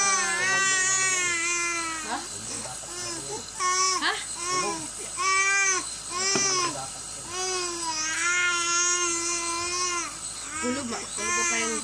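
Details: Sustained rhythmic crying from a baby with asthma, per the doctor, during a nebulizer treatment with steady machine hiss and an adult's soothing voice; infant crying.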